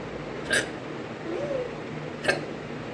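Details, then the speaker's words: At 6 a.m., before brushing her teeth, a woman gives two sharp, abrupt hiccups about two seconds apart, each a brief catching gulp, over a quiet room hum: morning hiccups. "और मैं ब्रश करने जा रही हूँ और सुबह के बज गए हैं 6। अरे सुबह सुबह हिचकी।"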